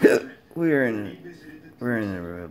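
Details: Persistent intractable hiccups since December 9, 2015, recorded September 7, 2019 around 1 AM: a sharp hiccup then strained voiced groans. Hiccups come every 1-3 seconds (20-60 per minute), with breathing and choking spasms and erratic stomach sphincter control. Cause undetermined.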